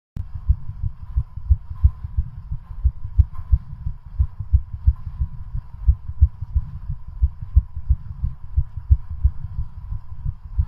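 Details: Rapid, regular heartbeats thudding under a steady high hum, recorded during an at-home bicycle cardiac stress test pushed to exhaustion; a fast heart rate during hard exercise.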